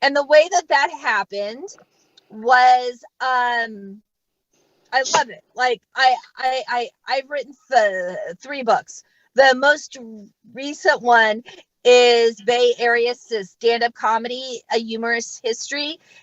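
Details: Adult female stand-up comic who stutters, real stuttering in a live set with word repetitions; stuttering.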